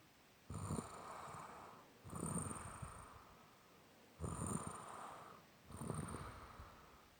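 Four rough, rattling snores in a slow, steady rhythm, about eight breaths a minute, with quiet pauses between them.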